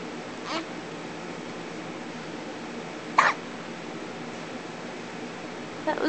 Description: As usual, baby has hiccups after being a little piggy.